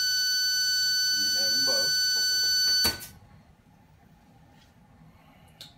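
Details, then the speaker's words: Oxygen-air blender alarm on a neonatal and paediatric high-flow nasal cannula setup, sounding when only one of the two gas sources (oxygen or air) is plugged in: a steady high-pitched tone with faint voices underneath, cutting off abruptly. "you have two sources of gas oxygen and air and a plug for your heater you need to make sure that you have both of these plugged in at all times if you have one you will hear this"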